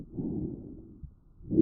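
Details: Soft, low rustling vesicular breath sound from a child's chest, recorded with a StethoMe wireless electronic stethoscope; heard mainly on inhalation and early exhalation: normal vesicular breath sounds.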